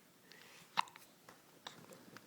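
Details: Baby girl with hiccups while awake, wide-eyed and smiling: soft, brief catching hiccup sounds at irregular intervals in a quiet room.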